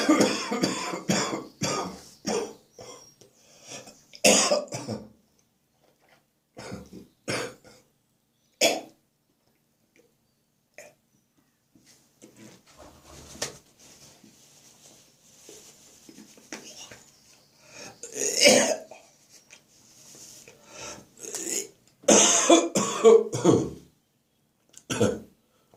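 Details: Adult with a spring cold; the cough is now stuck in the chest, deep and wet. Repeated deep, wet cough bursts with throat clearing and quiet breathing between them: a wet productive cough.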